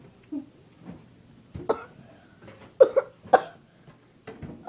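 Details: Hiccups: a person with hiccups makes several short, abrupt gulping catches, some in quick pairs, in a quiet room.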